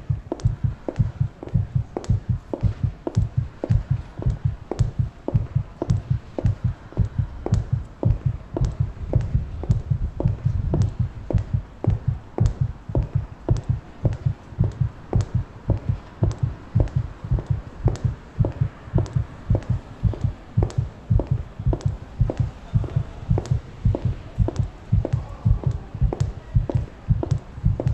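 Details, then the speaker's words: The speaker's own recorded heartbeat, part of a sound installation about street harassment that also uses their steps and breathing: steady, deep thumping, fairly fast at about 110 beats a minute, faint background sound. "the installation combines recordings of my heartbeat steps and breathing showing the reaction of my body so you can actually hear now"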